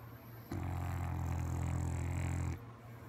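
A single low, rattling, two-second snore on an in-breath, with a steady fluttering vibration, against quiet room noise: snoring.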